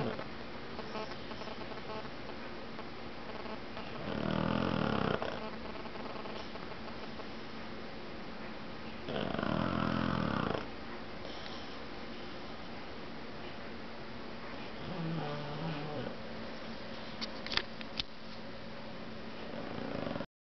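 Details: Pug (flat-faced dog) napping: loud, rattling snores roughly every five seconds over steady background hiss; snoring.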